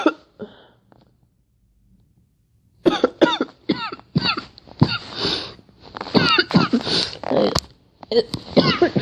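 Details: Girl coughing: a run of repeated, fairly loud voiced coughs in quick bursts, with a few breaths between groups.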